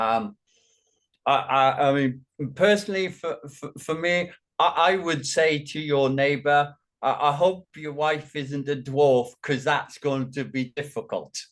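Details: Man with functional neurological disorder and foreign accent syndrome, speaking during a bout of gibberish that is part of his condition, with repeated words audible.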